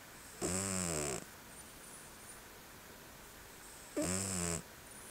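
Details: Male Selkirk Rex cat snoring while asleep, recorded in the dark: two drawn-out, buzzing snore breaths about three and a half seconds apart, with quiet pauses and sleepy sounds.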